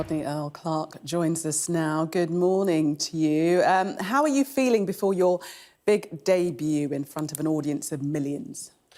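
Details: Adult female presenter; Normal fluent speech.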